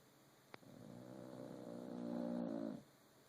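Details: One long, fluttering, rattling snore lasting about two seconds from a sleeping rescue French bulldog; snoring.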